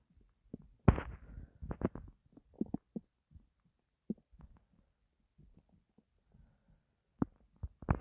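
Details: Stomach growling (borborygmi) from hunger after not eating for a long time: low gurgles, rumbles and squelches in irregular bursts with quiet gaps, a normal gut sound.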